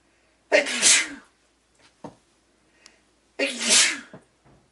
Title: Sneeze16